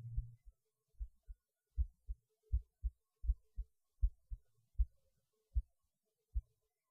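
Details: Own heartbeat recorded while eating lunch, felt beating harder than usual though rate barely changed: steady low paired thumps at about 80 beats per minute, regular with nothing unusual added; normal heartbeat.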